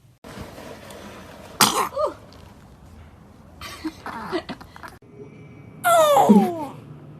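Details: A baby sneezes with small, sharp bursts, a brief sneeze followed by a squeaky vocal sound.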